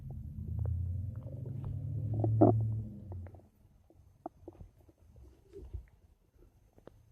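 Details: Bowel sounds (borborygmi).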